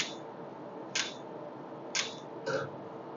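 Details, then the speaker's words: Nd:YAG hair reduction laser: sharp snapping clicks about once per second over a steady room hum, the laser pulses firing. "now suppose you want to do the hand area both the hands are completed within half an hour so this is really a quick laser removal platform"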